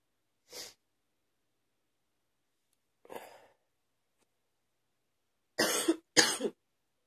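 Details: Persistent morning cough that keeps continuing: four separate cough bursts in a quiet room, the last two loud and close together.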